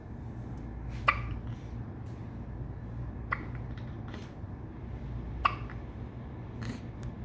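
Three sharp hiccup clicks spaced about two seconds apart, roughly 28 a minute, over a low background hum: regular hiccups.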